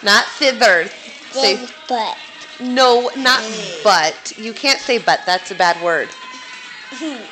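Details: Young boy with a lisp, asked to produce a word that his lisp affects; interdental lisp.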